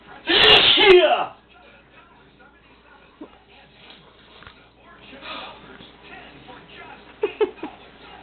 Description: Another sneeze attack of hubby's I finally caught on video